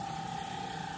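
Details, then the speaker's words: Suction machine switched on and set between 80 and 120 mmHg for tracheostomy suctioning in a nursing procedure demonstration: continuous motor drone with a steady mid-pitched whine. "step two turn on turn the suction on between 80 and 120 mmhg"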